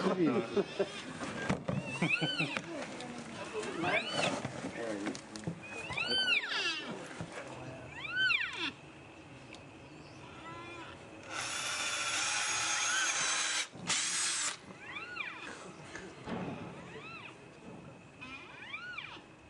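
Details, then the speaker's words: Orphaned young white rhino calf standing beside its poached mother while vets treat her in Kruger: high, rising-and-falling squealing distress cries repeating every couple of seconds. "I brought along an audio clip of a little white rhino cough standing next to his mother. Uh obviously he's not he doesn't know that the vets are helping his mother, trying to save the his mother. Um very traumatic and we can listen to the sound."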